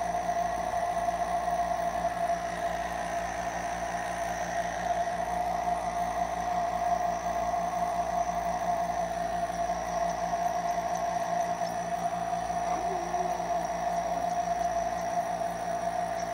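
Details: Nebulizer compressor running: a steady mechanical whir and hum with a constant, unchanging tone.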